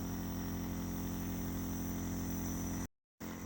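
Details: Home nebulizer compressor giving medicine by mask to a sick young daughter with a cold: steady buzzing motor hum with low rattle throughout, briefly cutting out near the end.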